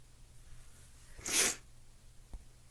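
A single sharp, forceful sneeze burst, then quiet room noise and a faint click; an ordinary sneeze.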